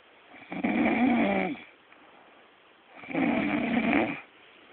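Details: Snoring: two loud, rattling, voiced snores on breathing in, about three seconds apart, with quiet pauses between them.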